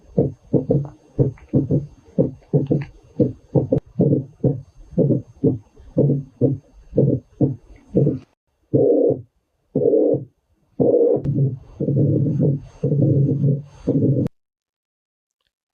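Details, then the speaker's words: Low thudding heartbeats, about 60 a minute, with extra third and fourth heart sounds (S3, S4), then longer whooshing beats of a murmur from turbulent flow in the heart or great vessels: extra heart sounds and murmur. "O sopro, diferente da das bulhas, ele é um fluxo turbulento no coração ou nos grandes vasos. Eu vou botar um pouquinho o som para vocês ouvirem das bulhas B3 e B4 e o sopro para vocês diferenciarem um pouco dos dois."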